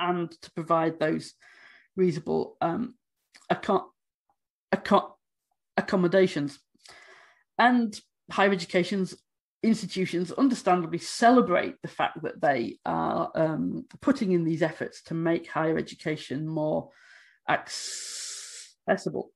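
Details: Adult woman who states she stammers, speaking during a conference presentation; stammering.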